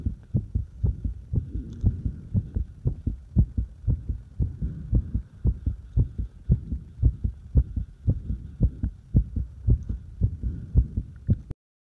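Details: Irregular fast heartbeat: rapid beats at about 115 per minute with slightly uneven spacing and loudness.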